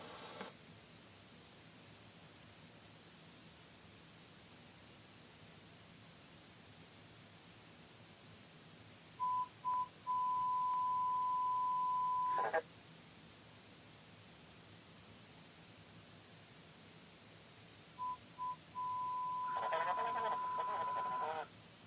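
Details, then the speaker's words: Hearing-test audiometer tones in a demonstration, played after a word-repetition test, with the listener told to look at the speaker on each tone: two pure beeping tones, each a few short pulses then a held tone. "now I'm gonna have you listen for some sounds every time you hear whine just look at the speaker here we go"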